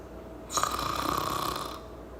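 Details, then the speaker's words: Snoring attributed to the jaw falling back and soft tissue vibrating during breathing: a single harsh, fluttering rasp on one breath, lasting about a second. "Snoring is actually caused by your jaw falling back, causing the soft tissue to vibrate while you breathe."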